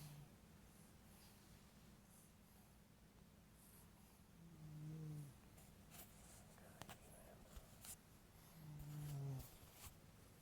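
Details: Light snoring: two soft, low, humming snores about four seconds apart in a quiet room.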